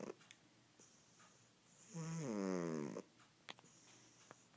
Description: Turn up your volume, there is a Fat Cat snoring on my lap. Mayo snores quite loudly.